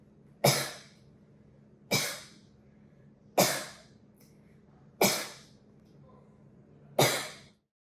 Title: How to perform smartphone-based cough analysis with Binah.ai